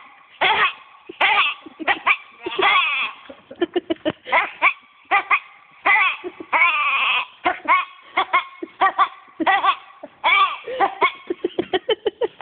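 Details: Lamb coughing again and again in short, hacking bursts mixed with strained, bleat-like calls; cough.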